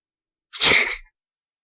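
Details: Single sneeze in an animated cartoon based on a comic strip: one sharp, hissing burst of air with an abrupt start in a quiet room, followed by "Gesundheit" and "thank you"; sneezing.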